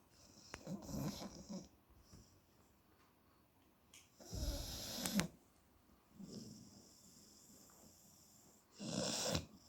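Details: 8-year-old rescue Shar Pei dog asleep, snoring and twitching: soft, irregular snorting snores, about 14 a minute, with quiet gaps between; dog snoring in sleep.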